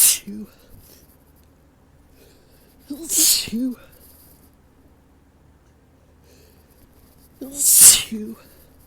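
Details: Three sharp sneezes growing louder, each with a brief breath-in before it, during ragweed season on a very windy day; a sneezing fit with sneezes coming stronger and stronger.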